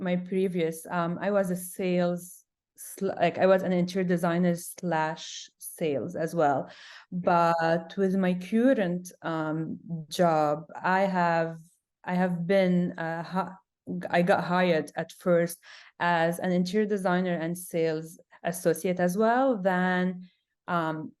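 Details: Adult woman who stutters; stuttering with sound repetitions, and she reports big blocks.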